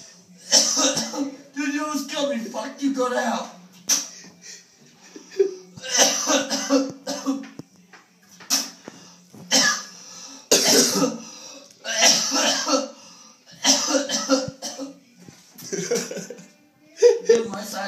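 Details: Coughing fit after a dab hit: repeated harsh coughing bursts with high, squeaky, squealing gasps between them, in a small room.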